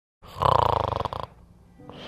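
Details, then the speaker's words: A single loud, fluttering snore on an in-breath lasting about a second, then quiet and the faint start of the next breath: snoring, in an advertisement for an anti-snoring oral spray. "знайомо страждаєте від безсонних ночей через хропіння вашої коханої людини"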